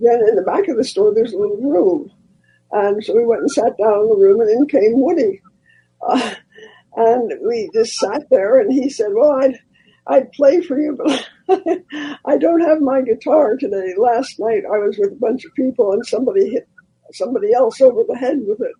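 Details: Dysphonia in a man after recent loss of a vocal cord, which was not caused by the polio he had in 1948.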